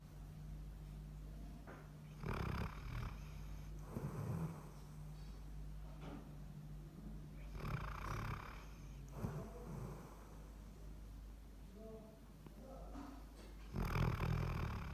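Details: Luffy, a sleeping Labrador, gives slow, rumbling snores, about five breaths in 15 seconds, over steady room hum; the owner at first did not believe he really snores.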